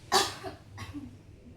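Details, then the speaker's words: Acted demonstration of effective cough therapy in a woman: after three deep breaths exhaled through the mouth, a single sharp, forceful cough with short follow-through to bring up sputum; effective (huff) cough. "Tarik lagi. Batuk Bu."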